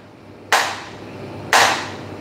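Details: Extracorporeal shock wave lithotripsy for a kidney stone in a man, reportedly 41, with ultrasound positioning; he had lithotripsy before in Korea. Two sharp, loud snapping pulses about one second apart, each fading quickly.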